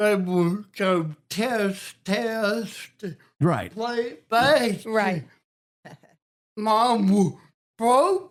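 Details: Adult man with cerebral palsy and a speech impediment since childhood: dysarthria (cerebral palsy).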